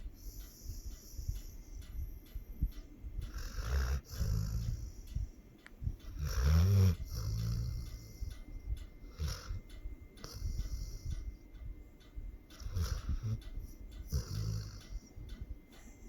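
Low, rumbling snores from a sleeping dog, a few irregular breaths with deep snorting noise on the in-breath; snoring.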